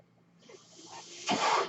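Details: Real recording of a podcast host's own mechanical ventilator: a soft airy hiss builds, then a louder rush of air lasts to the end, the gusting flow of a delivered breath. Mechanical ventilator breath sound.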